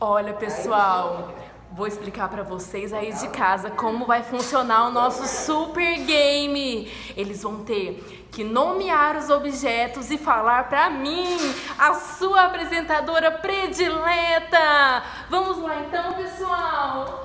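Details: Adult woman, game-show host style; Normal fluent speech.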